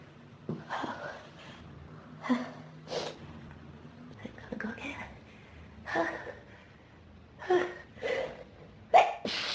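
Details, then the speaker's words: Adult with pollen and dust allergies since about age 14, sneezing fit triggered by room dust: about seven sneezes in quick succession with sharp in-breaths between them; repeated allergic sneezing. "I just can't sneeze all the dust out of it. I keep needing more and more sneezes."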